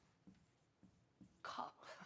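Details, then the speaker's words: An adult imitates a few short coughs while teaching the English word "cough", with quiet room sound around: imitated cough. "헷갈리는 것은 기침하는 것을 우리가 헷갈리게 되죠. 소리를 제가 드릴게요. cough. cough, 콜록콜록"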